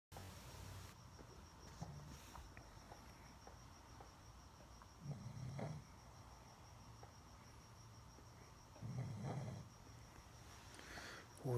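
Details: Guts the pug snoring while passing gas: low rumbling snore bursts about every four seconds, roughly 15 breaths a minute, over a steady background hum.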